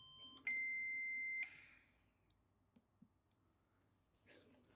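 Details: VENTIlogic LS ventilator/non-invasive ventilation device, started from the physician menu by pressing the start button: a brief soft tone, then a loud steady beep of about one second as ventilation starts: ventilator start-up beep.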